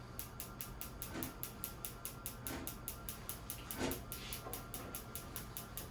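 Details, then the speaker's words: Focused shockwave therapy machine for erectile dysfunction, stronger than a radial machine, running in a demonstration: rapid, regular clicking pulses, about four a second, over a steady hum. "And once again, this is more like a laser, stronger, and it sounds like this."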